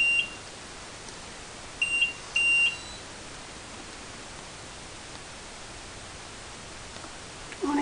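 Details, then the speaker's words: IV infusion pump being switched on after changing from gravity tubing to pump tubing: a few short high-pitched electronic start-up beeps over quiet room noise. "we're just gonna set this in the machine however down i'm just going to turn on the machine"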